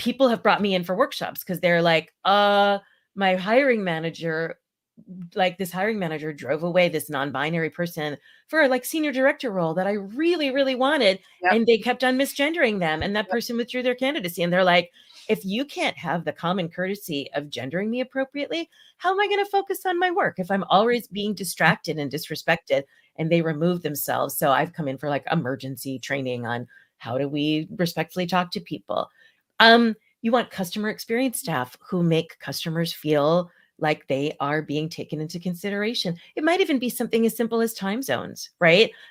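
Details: Adult speaker; normal speech.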